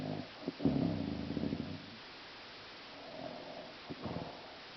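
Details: Mother snoring in sleep: a loud, rattling inspiratory snore lasting over a second, then a quieter fluttering breath and a second, softer snore.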